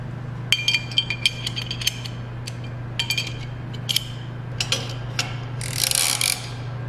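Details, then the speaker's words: Bookwalter table-mounted abdominal retractor ratchets, single-action shown; bursts of sharp metallic ratchet clicks over a steady low room hum. "now there are three types of ratchets in each of these sets and each of these ratchets basically just give a varying degree of retraction and angle so again starting with the smallest ratchet single action"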